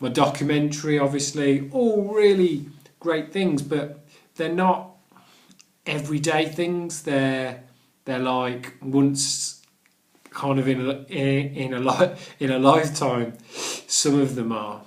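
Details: Adult man who stammers and has done the Starfish Project stammering course; stuttering.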